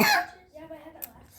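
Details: A single sharp cough from a child staying home from school sick, followed by a faint voiced sound and quiet room noise.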